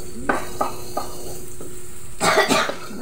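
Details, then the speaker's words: Several short coughs from a young child with a cough and cold (runny nose), then a louder burst, over kitchen sizzling. "Sorry guys. Naubo kasi si Bunso namin."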